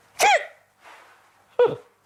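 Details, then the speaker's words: A child with Tourette syndrome, anxious and with worsening tics, makes a complex tic of grimacing, breathing in and making a noise. Two abrupt, high, squeaky vocal bursts are separated by a breathy intake. Vocal tic. "The tics I have is a complex tic here, where I grimace and breathe in and make this noise."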